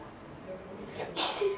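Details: 15-year-old girl with non-stop sneezing: a quick sharp sneeze after a short breath in, one of a run of repeated uncontrollable paroxysmal sneezes.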